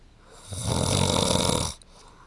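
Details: Adult husband snoring during sleep: a single harsh, rattling inward snore lasting just over a second, heavy snoring.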